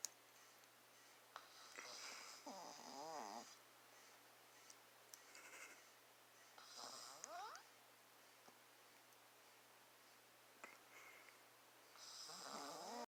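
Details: A father asleep, snoring: three loud rasping snores about every five seconds, roughly 12 breaths a minute, with quiet room hum between them.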